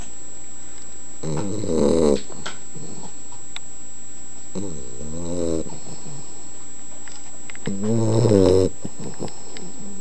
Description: Henley, our 11 wk old boxer puppy snoring!